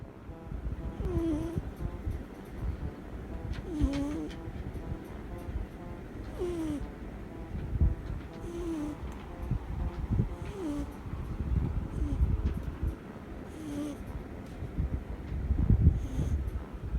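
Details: A sleeping short-legged munchkin cat's soft, low snoring rises and falls with each breath under background music.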